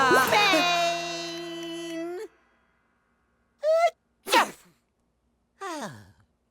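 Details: Simulated cartoon sneezing from an animated comedy song: a long sung build-up, then short sharp sneeze bursts with gasping intakes; sneezing.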